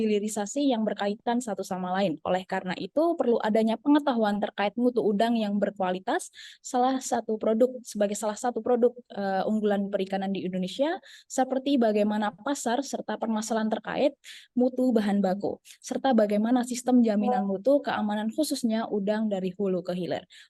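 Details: Adult woman speaking; normal voice.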